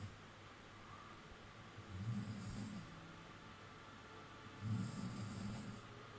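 Two low rumbling snores about 2.5 seconds apart over steady background noise, possibly a television.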